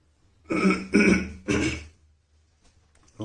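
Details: Three short, harsh throat-clearing coughs in quick succession, then quiet, from a man with a cold while shaving; cough.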